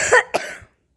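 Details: A child coughing: two short, harsh cough bursts in quick succession, the second sharper, then quiet.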